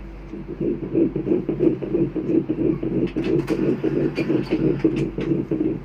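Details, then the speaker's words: Rapid, regular whooshing pulses near 180 a minute on ultrasound at 8 weeks 3 days of pregnancy: the small embryo's normal heartbeat. "এই যে ছোট্ট একটা বাচ্চা দেখা যাচ্ছে। ছোট্ট একটা ভ্রুণ। এই যে হার্টবিট হচ্ছে। মাশাল্লাহ।"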